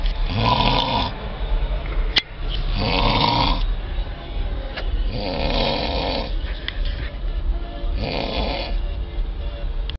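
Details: Man snoring heavily at a music festival; loud, rough snoring in a slow rhythm of about 12 breaths a minute over steady low rumbling background noise. Snoring.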